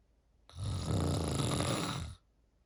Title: PART 3 snoring…. Tell me what u think this one sounds like #cantsleep